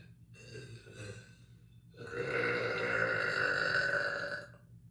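A short belch, then a long, loud, rumbling one lasting a few seconds; burping.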